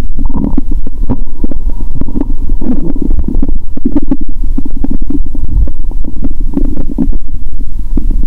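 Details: Stethoscope on own abdomen after fasting over 15 hours and eating Mentos during a cola-and-Mentos challenge: loud, nearly continuous gurgling and rumbling bowel sounds, very active gut movement.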